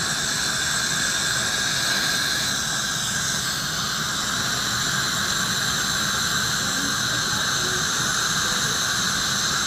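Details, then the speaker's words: Steady loud hiss and high whine of high-volume dental suction placed beside the mouth mirror, with a Neutron piezo ultrasonic scaler faintly running; ultrasonic scaler with high-volume suction. "I like to place the HVE just off to the side of the mouth mirror. This way I have clear indirect vision. And the HVE is capturing all the aerosol."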